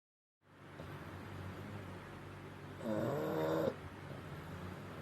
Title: FUNNY BULLDOGS SNORING🌈 🐕#2023 #bulldogs #cute #shorts #lol #shortsfeed #viral #funny #animals #pets